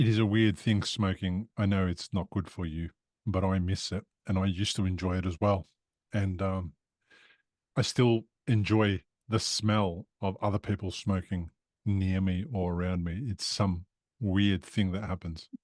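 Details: Adult male speaker; typical speech.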